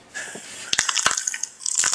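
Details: Knee crepitus (joint popping).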